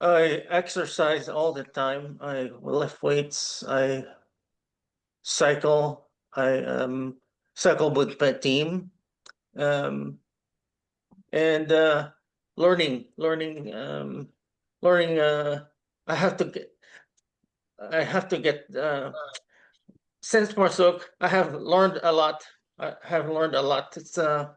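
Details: Aphasia in a man who says he cannot express himself fast enough, a panelist at an aphasia conference; real, unscripted speech.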